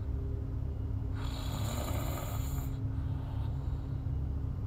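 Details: Snoring in a sleeping girl: a single rough, rattling snore on a breath, heard over a steady low background hum.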